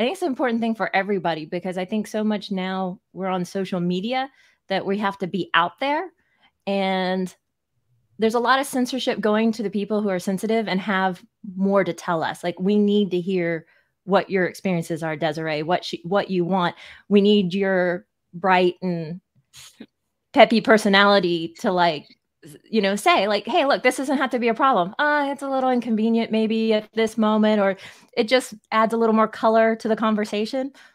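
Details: Adult woman speaking; speech with occasional disfluencies.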